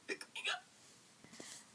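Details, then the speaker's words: A few quick, sharp hiccup-like gulps in a children's story reading about a cartoon skeleton who woke up with the hiccups; hiccups. "Skeleton woke up. Had the hiccups."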